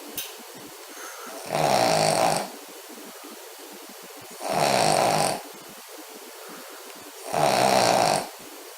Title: Redmond the Snoring Spaniel